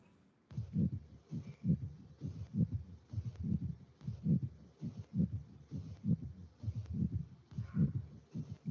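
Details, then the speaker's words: Pericardial friction rub, a recording shown with an animation: regular heartbeat near 67 per minute with a rough, scratchy, grating sound riding on each beat. "n este otro vídeo es igual el frote pericárdico pero pues tiene una animación para que puedan ver más o menos pues como como esta tendencia es más o menos no sé cómo explicarlo pero con la animación creo que está un poquito más entendible y no se confunde con otro tipo de sonidos cardiacos y es un distrito pericárdico"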